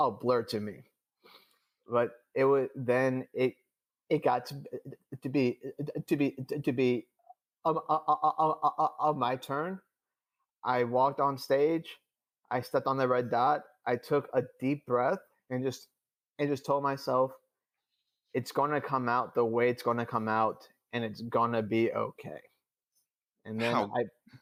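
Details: Adult male who stutters, speaking in real conversation; he reports stuttering more than he had in years during a public talk; stuttering.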